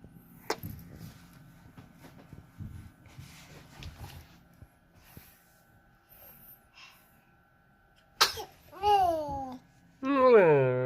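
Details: Sneeze from a chubby baby, triggered by kisses on the chin.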